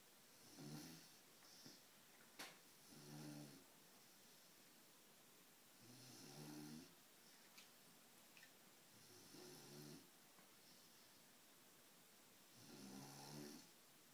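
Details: Rattling snores at about 18 per minute with fluttering vibration, plus small clicks and shuffles, from a sleeping English Mastiff puppy while a Chihuahua tries to sleep beside him.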